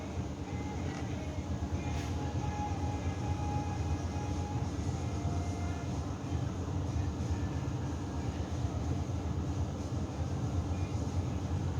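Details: Summit LiveDop 350 fetal Doppler with a 2 MHz probe that fails to detect a heartbeat or show BPM because of a cable fault inside the probe: steady low rumbling static with no fetal heartbeat.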